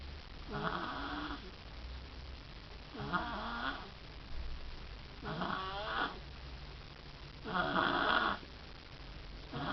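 Four rough, rattling snores about 2.5 seconds apart, roughly 25 a minute, with quiet gaps between; ordinary snoring.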